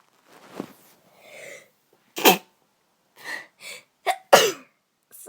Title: I keep on sneezing